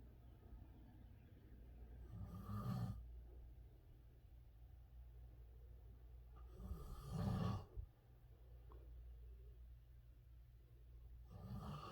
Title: divorce snoring